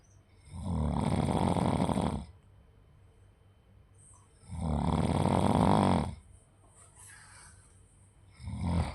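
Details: Snoring.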